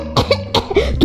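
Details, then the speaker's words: Acted choking cough: a child's quick run of harsh coughs after a smoothie went down the wrong way while drinking lying on a swing. "Çünkü salıncakta ve yatarak içtin. O da boğazına kaçtı."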